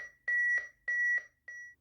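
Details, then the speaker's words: Public-access defibrillator demonstration: after shock delivered, regular electronic metronome beeps about 100 per minute set the chest compression rate for effective CPR; AED CPR metronome. "shock delivered begin cpr these beeps denote the rate that you should be compressing the chest for effective cpr"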